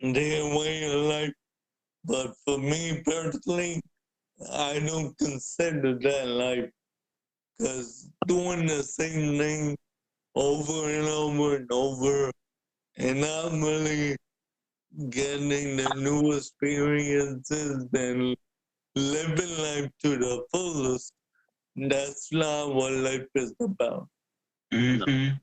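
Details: Adult man born with cerebral palsy, wheelchair user, describes himself as higher functioning with mainly physical limitations; the host notes speaking is hard for him; dysarthria (cerebral palsy).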